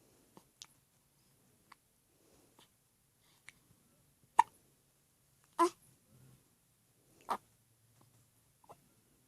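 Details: Hiccups: brief, sharp catches at irregular intervals, several in under ten seconds, in a quiet room.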